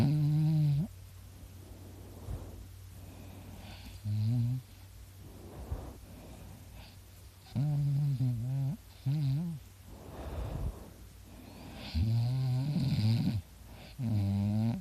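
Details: Own snoring during sleep: loud, droning, buzzy, harsh rattling snores with a steady low hum in between, likened to a chainsaw.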